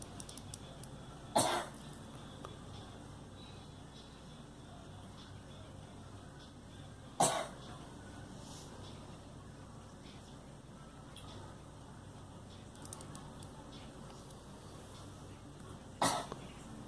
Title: Girl coughing